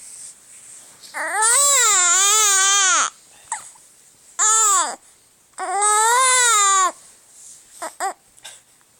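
Loud, sustained wailing cries from an infant in three long bouts, each followed by short breaths and whimpers; infant crying.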